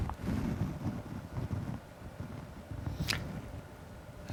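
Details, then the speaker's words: Stethoscope bell applied very lightly at the cardiac apex during a chest-examination demonstration; soft, low-pitched heart thumps; normal heart sounds. "Listening for heart sounds is a very active process. You identify the first heart sound. Listen actively to the first heart sound."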